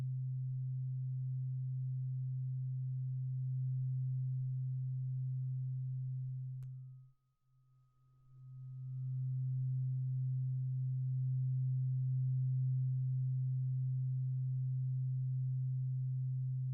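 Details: Simulated ASMR ear-examination roleplay: a tuning fork vibration meant to move from one ear to the other. A steady low humming tone briefly stops mid-way, then resumes with a faint higher overtone.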